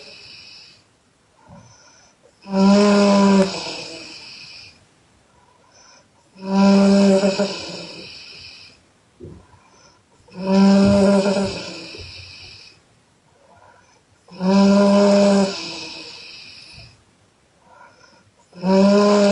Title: Loud Exhale snoring by Chinese girl (Part-1)